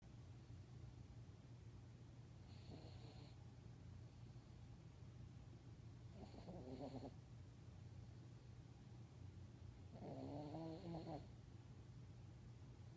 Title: Our Pubby Buddy Snoring